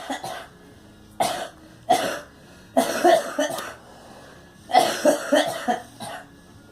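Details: Two people, one of them a girl, giving about eight harsh coughs, some single and some in short runs, with quiet breathing between; coughing.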